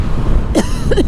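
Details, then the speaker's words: Adult woman riding a motorcycle, with a catch in her throat and a slightly hoarse voice, giving two brief throat-clearing coughs over steady engine and wind noise: throat clearing. "I have a catch in my throat, so I'm really sorry if I sound a little hoarse. I don't want to like hack."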